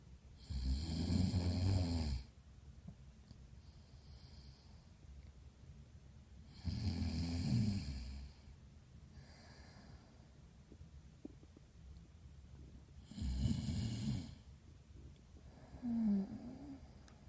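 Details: Snoring sound effect: three loud, rough, low snores about six seconds apart, with quieter breathing between them.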